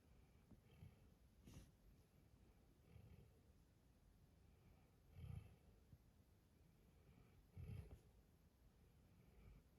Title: Just another cute video of Panda the Dalmatian snoring peacefully